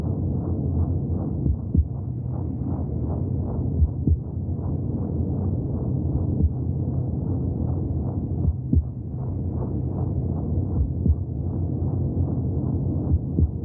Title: 30 minutes of heartbeat sounds from the womb for welcoming extraterrestrial life